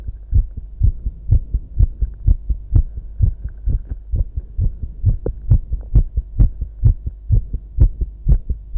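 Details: Man's strong, normal heartbeat.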